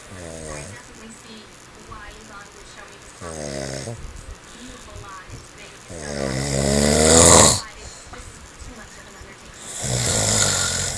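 Loud, rattling snores on each in-breath, about four in eleven seconds, the last one heaviest; quiet breathing between them. Ordinary sleep snoring.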